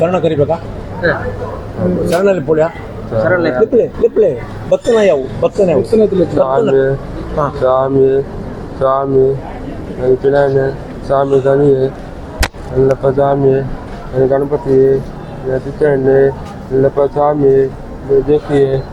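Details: 17-year-old boy with hearing loss, nonverbal from childhood, not helped by medicine or hearing aid, now speaking in stammering, halting words while reciting Ayyappa chants (other voices possibly present); speech of a prelingually deaf adolescent.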